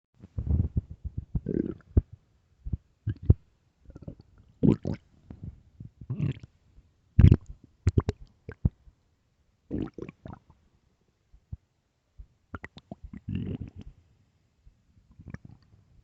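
Irregular gurgles, squeaks and low growls from the belly with silent gaps: ordinary stomach growling.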